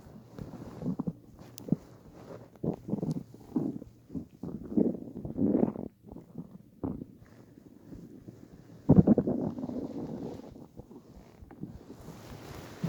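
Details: Person lying on a bed after about 28–30 hours of fasting for weight loss (from 65–67 kg to 49 kg): low, rumbling, gurgling bursts coming and going over several seconds; stomach growling (borborygmi) on an empty stomach.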